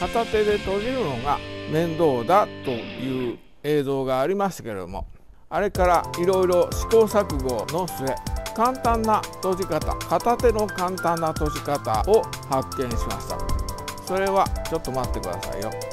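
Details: Aphasia with right hemiplegia in a Japanese-speaking male after a cerebral hemorrhage on 29 April 2020.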